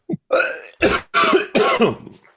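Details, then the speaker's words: An adult man gives a run of four loose, juicy wet coughs, with phlegm rattling in his throat. "Some juicy coughs. Yep. Got some phlegm rattling loose. Might be able to hear it in my throat."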